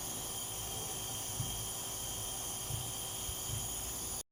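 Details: Steady airy hiss with a faint low motor hum of a running nebulizer, used to treat a dog with kennel cough.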